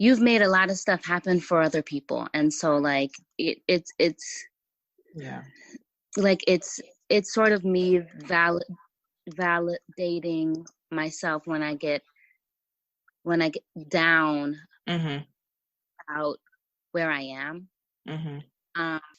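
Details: Stuttering in an adult woman writer who says she has a stutter that listeners may hear and that it was more severe in the past; part-word and word repetitions.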